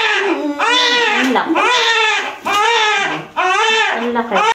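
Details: Newborn's strong, repeated wailing cries right after a normal labor and delivery, following pushing; a normal vigorous first cry.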